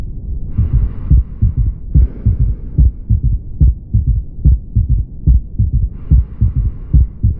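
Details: Regular heartbeat at about 71 per minute with an extra low, dull sound just after the second heart sound; third heart sound (S3).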